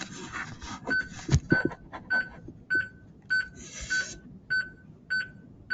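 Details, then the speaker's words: Defibtech Lifeline View AED trainer demo after shock delivered, voice prompting "it is safe to touch the patient, begin CPR now, give compressions", then regular high metronome beeps about 100 a minute pacing chest compressions. "it is safe to touch the patient begin cpr now give compressions"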